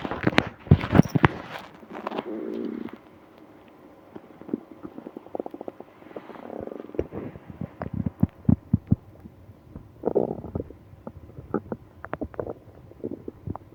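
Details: Stomach growling with moaning from a person with a stomach ache on a business trip; bowel sounds (borborygmi).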